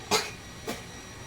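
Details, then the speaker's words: Acted effective-cough exercise by a nurse with a female patient: after a deep breath, a 2-second hold and an 8-second pursed-lip exhale, two short, deliberate voluntary coughs, the second softer, followed by sputum. "Silakan Ibu tarik nafas lagi, tahan selama 2 detik, keluarkan lewat mulut dengan bibir mencucu selama 8 detik. Batukan Bu."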